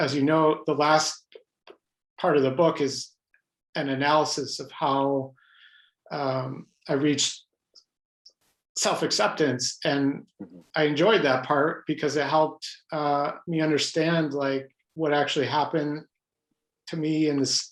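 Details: Adult man who has stuttered all his life, mostly blocks, with highly variable stuttering: stuttering.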